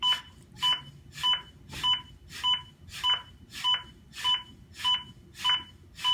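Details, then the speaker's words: Steady, evenly spaced beeps from a ZOLL AED Plus metronome pacing chest compressions at about 100–105 a minute during a demonstration of CPR after a shock. The device tracks compression quality and prompts to push harder. "well yeah it's tracking the quality of my cpr so if I don't put additional tell me to push harder"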